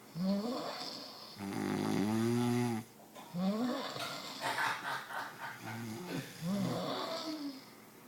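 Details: Female sleeper snoring: loud, rattling, groaning breaths with shifting pitch, mixed with vocal moans.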